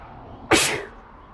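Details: An adult man who says he is sick, burnt out, coughing and under the weather, filmed while walking around his house, gives a single loud, sudden sneeze with a sharp hissing release that fades quickly over quiet room noise.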